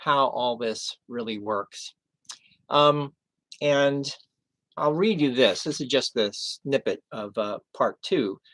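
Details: Aphasia in a male after a stroke 11 years earlier, treated with 15 hours of formal speech therapy.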